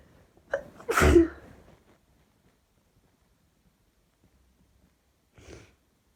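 A quick indrawn breath, then one loud explosive sneeze, followed by a faint sniff or breath.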